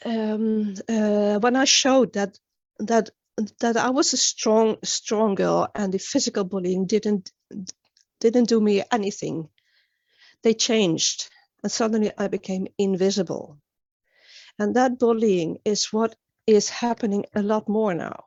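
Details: Stuttering in a woman from Sweden, an international stuttering advocate, with onset at age nine; many word and phrase repetitions heard during a conference talk; finding: stuttering.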